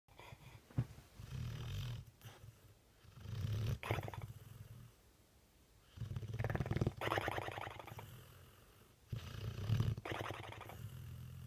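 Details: Dog snoring: deep, rumbling snores on each breath with quieter exhalations between, about 20 breaths a minute.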